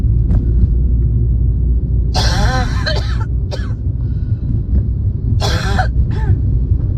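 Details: Person with a spring cold coughing while driving: two harsh bursts of repeated coughing with a voiced edge over steady low road rumble; coughing fit.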